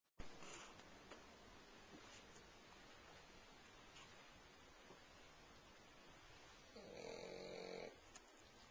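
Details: Pug snoring while asleep on a couch: quiet background hiss, then one louder, buzzing, slightly whistling snore near the end.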